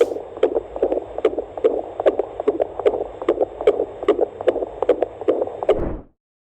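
Rapid, regular whooshing beats from a handheld fetal Doppler, about 150 a minute, a normal fetal heart rate.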